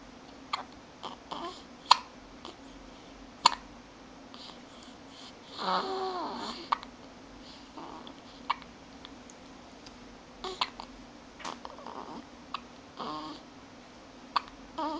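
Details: Infant hiccups: repeated short, sharp hiccup catches about every one to two seconds, with a few soft baby vocal sounds in a quiet room.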